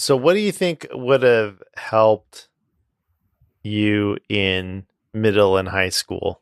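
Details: Adult male speaker; typical speech.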